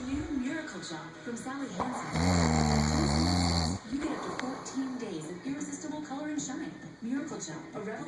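A loud, deep, rattling snore on the in-breath, with quieter breathing and some room noise around it; loud snoring.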